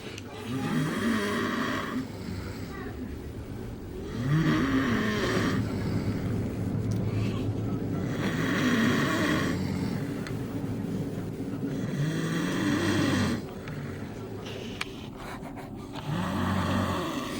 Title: Snoring Couple